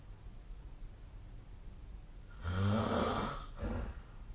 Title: 🐽 いびきの音 / Snoring Sleep Sound 2025/05/23